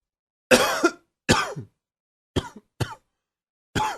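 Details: Five short, harsh cough bursts separated by silent pauses, some with a brief second catch; irritative adult cough attributed to seasonal allergies.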